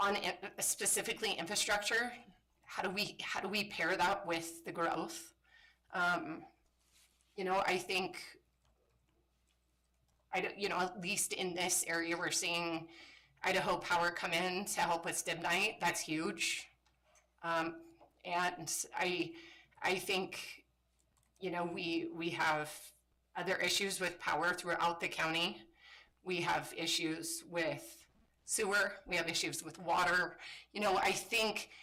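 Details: Adult woman with spasmodic dysphonia, a voice disorder she describes as a brain disorder that kicks in intermittently and likens to RFK's condition; spasmodic dysphonia.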